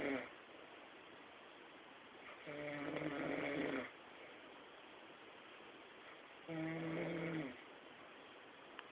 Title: sakhalin snore